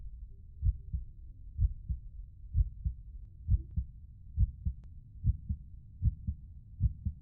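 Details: Regular paired low lub-dub heartbeat thumps at about 62 beats a minute, with no other sounds; a steady heartbeat.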